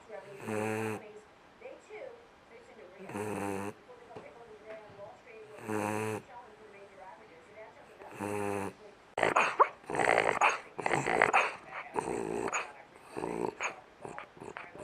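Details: Snoring: four regular, deep, rattling snores about every two and a half seconds, roughly 23 a minute, followed by background talking.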